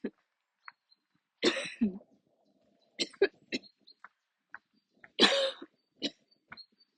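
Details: Repeated harsh coughs in clusters, with throat clearing and short breaths between them: a coughing attack while walking outdoors near the end of a walk. The person usually has to stop and sit or kneel during attacks but kept walking.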